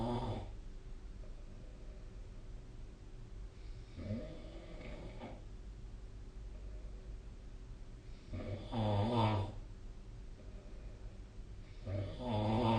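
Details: Sleep snoring: rough, rattling snores on each in-breath, about four in the clip, with steady room hum between.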